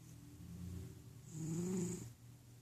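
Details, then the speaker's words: A cat snoring while napping: low rumbling breath sounds swelling on one longer, louder breath. "snoring kitty cat."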